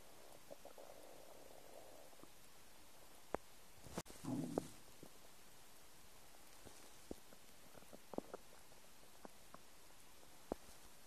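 Faint gurgling with one short louder rumble amid scattered clicks; ordinary bowel sounds of an empty stomach.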